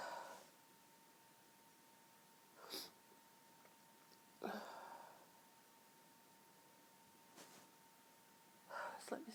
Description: stifling my sneezes, some stifles & some half stifled..... also false starts, build ups and some nose blowing........ allergy related sneezing as my sensitive nose tickles like crazy